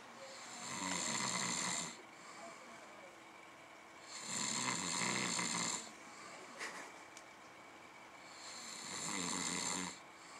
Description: Best Friend Snoring Before the UFC Pay Per View